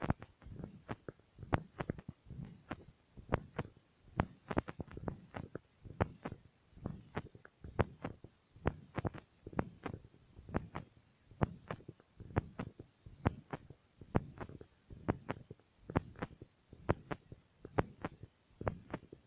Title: Heartbeat stethoscop 2,1g